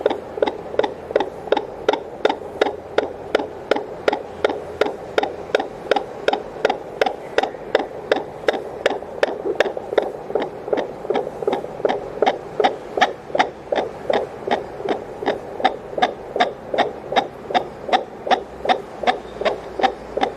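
Rapid, regular whooshing pulses at about 160 a minute: a fetal heartbeat picked up by Doppler.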